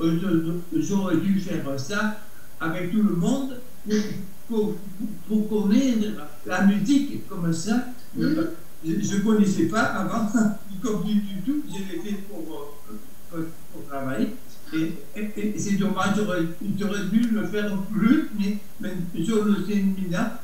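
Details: Adult man with Broca's aphasia after stroke, aphasic for a little over a year, who says he speaks very badly; Broca's aphasia.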